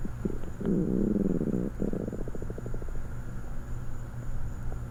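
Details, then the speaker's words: Stomach growling from hunger after not eating that evening: low gurgling growl with rising-falling pitched rumble and bubbling pulses, normal borborygmi. "I haven't eaten tonight. As you can hear. I'm so hungry."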